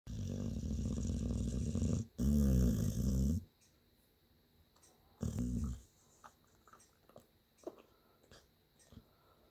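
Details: Sleeping dog snoring: loud rattling snore bursts on breaths, two long runs and one shorter, then quiet.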